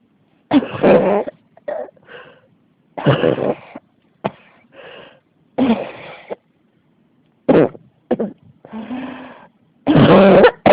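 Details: An adult coughs in repeated harsh bursts, about a dozen in ten seconds, with brief breaths and rasping between them. A cough that won't stop: persistent cough.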